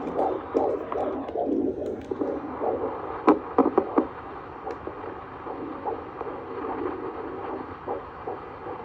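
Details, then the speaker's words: Fast, rhythmic whooshing fetal heartbeat on Doppler at about 150 a minute, normal, at a 7-month prenatal visit in a first pregnancy. "And then while I was there, the doctor checked my baby's heartbeat."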